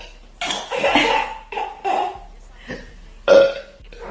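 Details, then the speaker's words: Adult female burping at the dinner table, saying she may have had too much: several loud, rumbling belches in a row. "sorry oh my God okay you're the one who said to turn the camera on cuz I burped and I didn't say vomit on the freaking dinner table"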